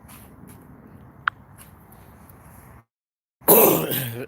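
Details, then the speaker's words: Throat clearing: faint room hiss, a brief pause, then one loud, rough throat-clearing burst from an adult man, who describes it as a years-long habit, not a cough. "I'm not coughing just clearing out the throat so yeah"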